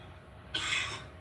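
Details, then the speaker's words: Cough from a man heard faintly in the background through another live stream's open audio: a single short, airy cough over a quiet background. "I still have his screen open, so you can hear him coughing in the background still."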